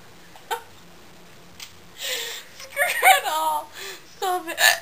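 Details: Abrupt short voiced gulps mixed with laughter and breathy sounds; a woman with hiccups that began about a minute before recording and continued afterward.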